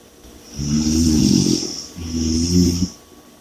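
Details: Ordinary snoring: two long, low, rattling snores on in-breaths with hissy breath noise between.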